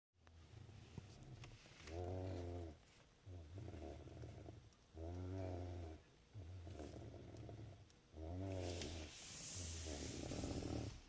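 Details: A sleeping child, asleep after a magic show, snores steadily and loudly, about six breaths in eleven seconds, with a vibrating buzz on each inhale.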